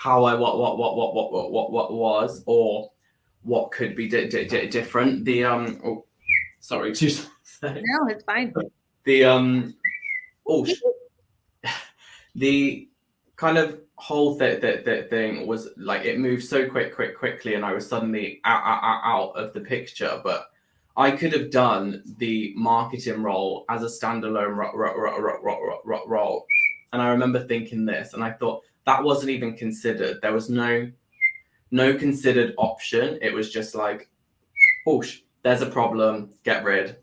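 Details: Adult with Tourette syndrome that developed about four years earlier after seizures and brain swelling; motor and vocal tics (whistling, swearing, word repetition) and a stammer that followed a loss of speech; Tourette syndrome with vocal tics and stammer.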